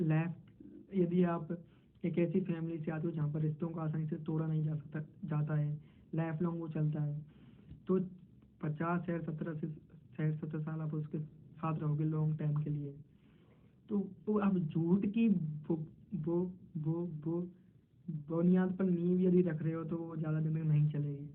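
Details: Hindi-speaking man who describes himself as a person who stammers, in a role-played stammering interview; stuttering.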